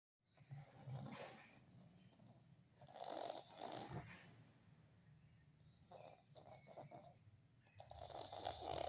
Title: pug snoring 😴